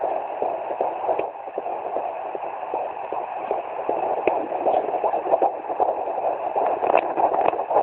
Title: 17 weeks fetal doppler